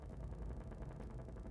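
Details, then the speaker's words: Needle EMG of the pectoralis major with the patient gently pushing the arm up and gradually increasing effort: a dense crackling, rumbling rush of overlapping motor unit discharges showing normal recruitment. "go a little stronger and a little more and a little more and a little more and relax and good we got some nice good recruitment there"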